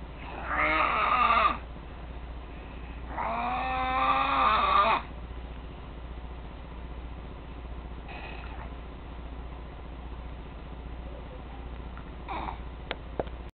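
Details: 8-year-old boy snoring loudly in his sleep: two rough, drawn-out snoring breaths, then quieter faint breaths over a steady background hum.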